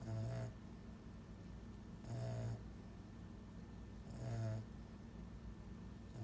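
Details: Sleeping pet whose tongue is too big for its mouth, which contributes to its snoring: regular low rattling snores, about 30 a minute, over a quiet room hum.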